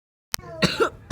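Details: Cough from a person who says they were sick with a very sore throat; an inhaler is shown afterwards: cough.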